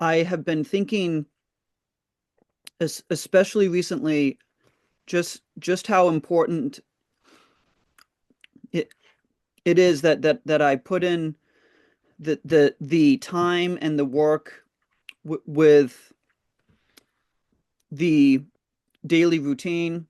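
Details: Stuttering with word and part-word repetitions in an adult in a stuttering therapy group.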